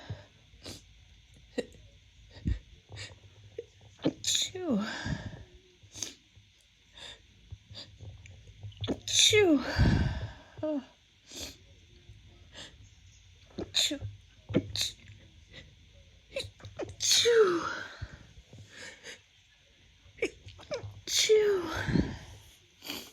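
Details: Adult woman's first spring 2024 sneezes, attributed to pollen: four sneezes with quick gasping inhales before each burst; sneezing, seasonal pollen allergy.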